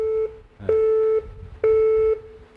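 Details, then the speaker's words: Training AED during first-aid class: after rhythm analysis announces shock needed and charging, repeated steady electronic beeps signal charged shock ready; everyone stand clear before pressing the flashing shock button. "제세동 필요합니다. 충전 중. 충전 중 하면 다시 가슴 압박 하셔야"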